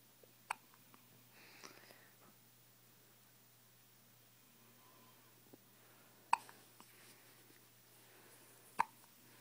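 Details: Baby girl with hiccups: soft, sharp hiccup clicks recurring every few seconds in a quiet room; infant hiccups.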